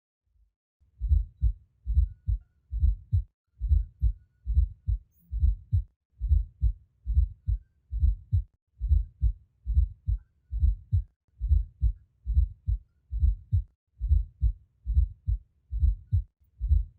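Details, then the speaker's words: Fourth heart sound (S4): extra sound lying much closer to S1 than to S2, contrasted with S3. "now note the difference with an s4 heart sounds which will be much closer remember the s4 component will be much closer to s1 than it is to s2"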